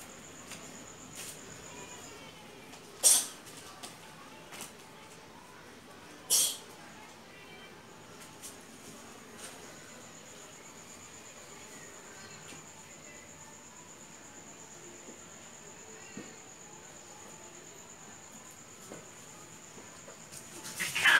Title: CAT SNEEZES NON-STOP DURING A FIGHT! [SOUND ON] SO CUTE!